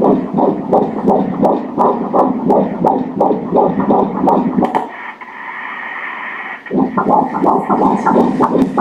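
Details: Doppler on ultrasound of a 10-week-1-day dichorionic twin pregnancy (two placentas, one anterior, one posterior): fast, regular whooshing beats near 170 a minute with a short gap; fetus B measured at 168 bpm, normal fetal heart rate.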